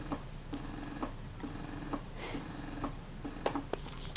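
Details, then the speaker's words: Motif Luna and Spectra electric breast pumps compared for noise (Motif slightly louder): soft mechanical hum with regular clicks about twice a second; electric breast pump running. "so i'm going to go ahead and turn on each pump i'm going to set them on the lowest setting and just so you can compare how they sound i do think the motif is a little bit louder than the spectra but it's not that noticeable"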